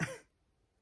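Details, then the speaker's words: An adult man coughing in the background, heard from a distance: a single brief cough burst from a long-term residual cough lingering after the flu; post-viral cough. "I'm sorry if you can hear my husband coughing in the background. He's got this like long-term residual cough from when he got the flu"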